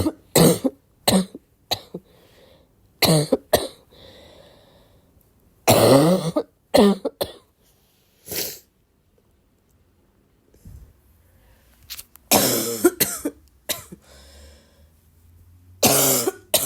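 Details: Girl coughing on waking, described as a barking cough: repeated harsh coughing bursts in several clusters with short pauses between, a coughing fit.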